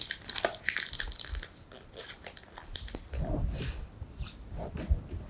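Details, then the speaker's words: Crinkling, tearing and crackling of plastic as a sterile needle electrode is unwrapped by a gloved examiner before needle electromyography of the deltoid muscle using a Neuro-MVP-Micro system. "теперь одеваем перчатки [музыка] берем игольчатый электрод и его открываем [музыка]"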